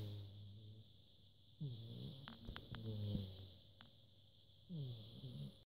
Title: Snoring Rocky